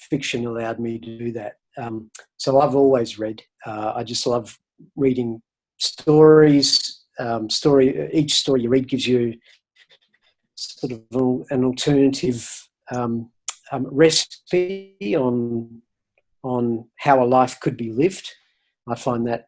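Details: Adult man who has stuttered since about age eight, covert for decades, now hardly noticeable after years of volunteering to speak and public speaking practice; stuttering.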